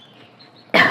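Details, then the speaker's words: An adult woman recovering from bronchitis, whose voice is also breaking, gives a single abrupt cough after a near-silent pause. "je suis désolée si je tousse un petit peu mais je sors d'une bronchite qui met un petit peu de temps quand même à à guérir et je tousse un petit peu encore"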